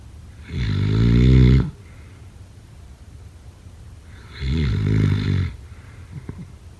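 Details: A sleeper gives two loud, low, rattling inhalation snores about four seconds apart, with quiet exhalations between, in a small quiet room. Snoring.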